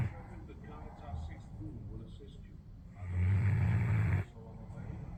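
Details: Sleeping Alabai (Central Asian Shepherd) dog: a deep, loud rumbling snore lasting over a second above quieter breathing and faint room noise; snoring.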